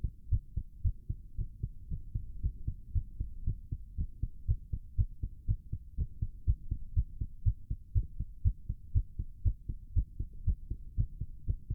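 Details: Male's racing heartbeat while doing a plank, with heavy breathing: fast, regular heartbeat at about 120 beats a minute; normal exertional tachycardia.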